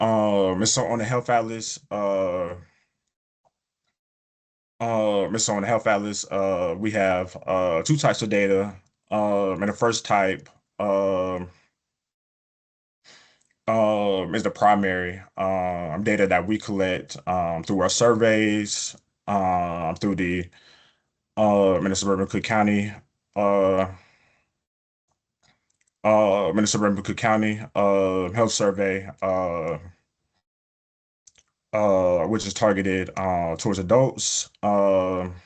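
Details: Adult man, a person who stutters, presenting a webinar; he reports prolongations of words or sounds, blocks and repetitions in his speech; stuttering.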